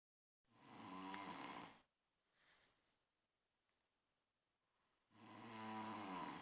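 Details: Snoring: two long, loud rumbling snores on breathing in, separated by a quiet breath out.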